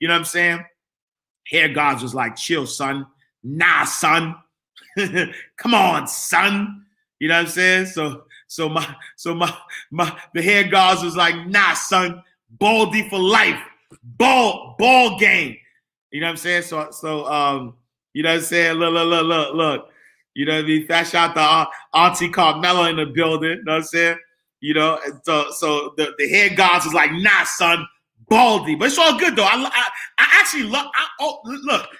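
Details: Adult man who stuttered as a kid, stutter still emerging when talking fast or excited; stuttering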